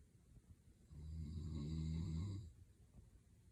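One long, low, rattling snore on an in-breath, about a second and a half, with quiet breathing on either side.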